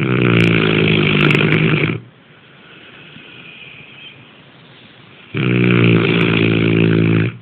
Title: snoring